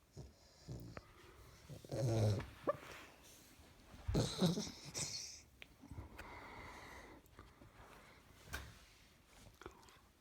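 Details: A 12-week-old springer spaniel puppy snoring while clearly dreaming: soft, irregular snorts, squeaks and whimpers in a quiet room.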